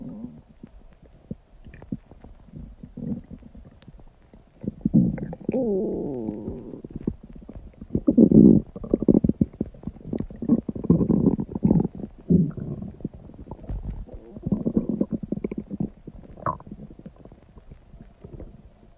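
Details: Dog's stomach growling recorded close to the belly, tummy acting up again: gurgling, rumbling borborygmi with rising and falling squeals.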